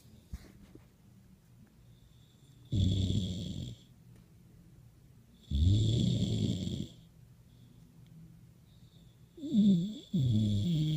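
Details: Voice-over (simulated) snoring for cartoon character Ruby sleeping: deep rumbling inspiratory snores with a faint whistle between, three loud snores in eleven seconds.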